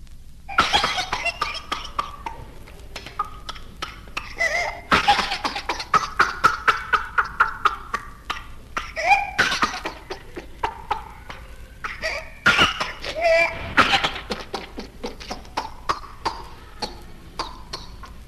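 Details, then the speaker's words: A child with whooping cough (pertussis): runs of rapid, staccato spasmodic coughs broken by high-pitched, drawn-in breaths, the characteristic whoop. "there is a characteristic spasmodic cough in whooping cough followed by the characteristic whoop hence the term hooping cough"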